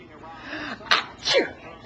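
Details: Child pretending to sneeze: a short in-breath followed by two sharp sneeze-like bursts; simulated sneezing.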